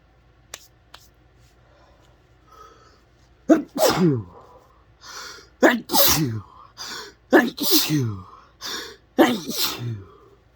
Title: chhinkni sneezes, messy, nose blowing, tissues shown at end 🤧🤧